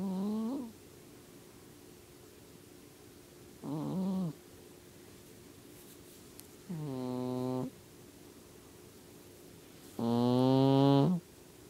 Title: Stumpy the cat snoring